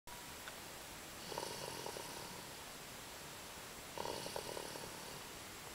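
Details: Two rattling, fluttery snores about three seconds apart over steady car noise, recorded in the car on the way home from daycare; ordinary snoring.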